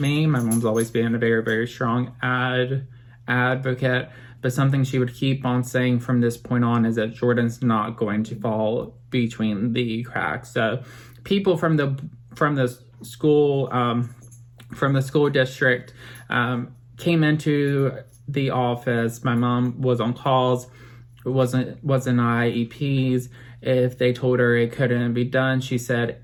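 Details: Adult man, 25, with childhood apraxia of speech persisting into adulthood; non-speaking at age 5, treated with motor-planning speech therapy, reports voice volume also affected; apraxia of speech.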